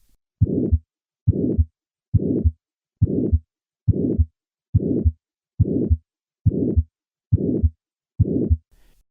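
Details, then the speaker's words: Simulated aortic stenosis: regular heartbeat at about 69 per minute with a harsh systolic ejection murmur across the stenotic aortic valve that builds and peaks late, unlike an innocent murmur. "This systolic ejection murmur reflects turbulent flow across the stenotic aortic valve. In contrast to an innocent murmur, this murmur peaks late incyil."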